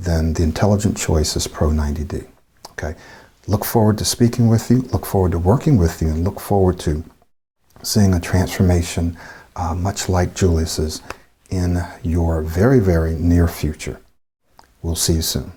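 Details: Adult male speaker; typical speech.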